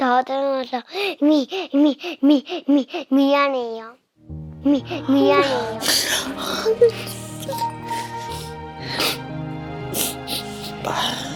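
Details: Stuttering with single-syllable repetitions in a four-year-old girl, sudden onset in September; a pediatrician found no physical problem and recommended speech therapy; an expert links it to perfectionism and fear of making mistakes.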